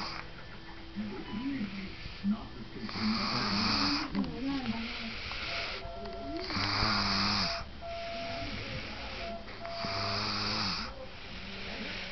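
Noisy snoring breaths with a fluttering, partly tonal sound, about 18 a minute, over constant background noise.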